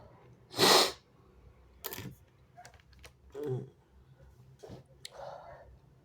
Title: wet sneezes turning messy and snotty (he/they)